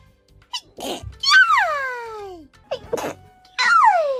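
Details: A Hololive VTuber sneezing twice, each sneeze followed by a high, falling wail of voice, with light music in the background.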